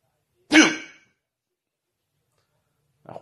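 A single sharp voiced catch followed by silence and a faint second sound, typical of a hiccup.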